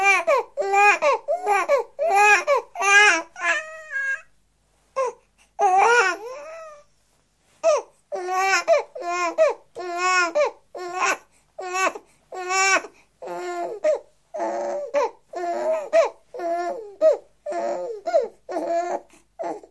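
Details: Six-week-old baby boy crying, a 1984 sound-library recording: rhythmic bursts of strong, clear infant crying with brief pauses for breath.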